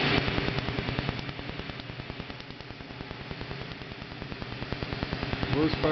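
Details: Leg tattoo removal: rapid, steady snapping pulses, about three per second, over a background hum, a tattoo removal laser firing near the end of treatment.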